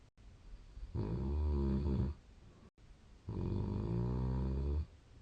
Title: その1 2020/12/3いびき（snoring）